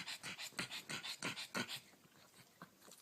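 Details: Pug, a small flat-faced dog: rapid, harsh, snuffling breaths that quickly fade to quieter breathing; noisy snorting and snuffling breathing.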